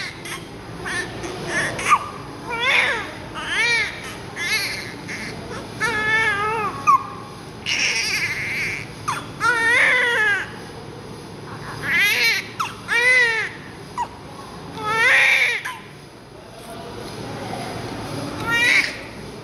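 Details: Newborn baby just born after a 9-month-10-day pregnancy, during cleaning after birth; repeated strong, high-pitched wailing cries in rhythmic bursts; a vigorous normal newborn cry.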